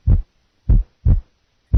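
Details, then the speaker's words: Simulated physiological splitting of the second heart sound: slow, regular heart sounds, split audible on inspiration, single on expiration; nursing heart-sound assessment teaching recording. "listen now to a physiological split second sound the split is audible on inspiration the sound single on expiration"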